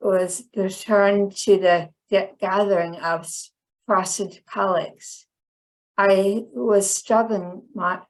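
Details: Woman with chronic aphasia about 10 years after a stroke that initially left her hemiplegic and unable to speak; finding: aphasia.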